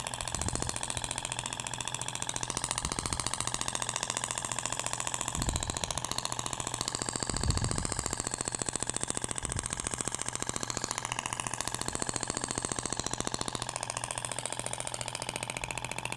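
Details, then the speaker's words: Thork IBRAMED shock wave therapy device with polyacetal tip moved over the abdomen near the navel, passes in both directions; rapid regular mechanical tapping about fifteen pulses a second, sounding different from the other tip. "e agora vai para o outro sentido até o barulho é diferente da ponteira de poliacetal"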